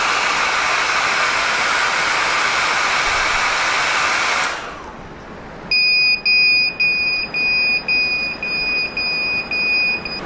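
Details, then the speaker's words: K3 non-contact infrared forehead thermometer, hairdryer used to simulate a high temperature: the hairdryer rush stops, then rapid high beeps, about nine in four seconds, with flashing red LEDs; fever alarm. "a lot beeping a lot of flashing for sure it's going to get someone's attention that's when you tell the person hey we think you have a fever"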